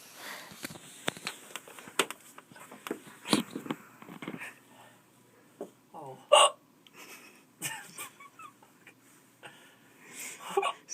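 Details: A person gets the hiccups while being videotaped: repeated short, abrupt hiccups at irregular intervals, with voices in the room.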